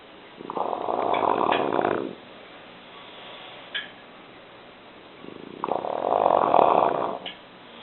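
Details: Dog snoring: rough, rattling snores on each breath in, about two breaths in eight seconds, with quiet exhalations between.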